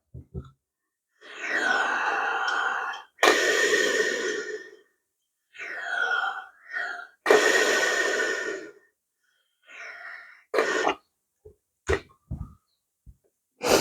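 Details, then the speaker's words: Respiratory physiotherapist demonstrating a Respiron incentive spirometer with a nasal clip: three long forced inspirations, each followed by a loud exhalation. The ball rose highest and wobbled on the first, and went lower on the second and third. "O primeiro aspecto sobre o aparelho que eu queria levar em consideração aqui, viram que na primeira inspiração eu elevei a bolinha até aqui em cima, ela balançou."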